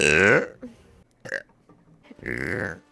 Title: Vtuber burp compilation Pt.3